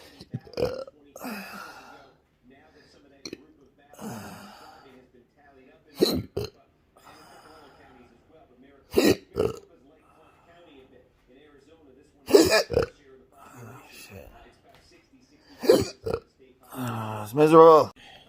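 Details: Abrupt, voiced hiccup-like gulps every few seconds, some with a short burp-like sound, felt at the Adam's apple area; adult with intractable chronic hiccups since 2015, breathing and choking spasms, cause undiagnosed, November 2020.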